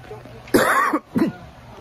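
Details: Cough.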